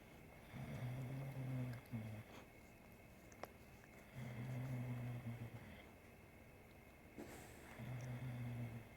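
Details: Three long, rattling, low-pitched snores on in-breaths from a sleeping Bulldog being groomed by a cat, with quiet pauses between over faint room noise: snoring.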